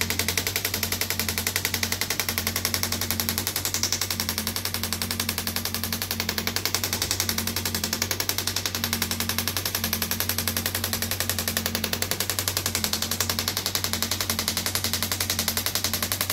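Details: Radial shockwave therapy handpiece applied to an arm wrestler's triceps while he sits forward; rapid, very regular clicking pulses over a steady low hum, which the patient feels as deep tapping on the bone.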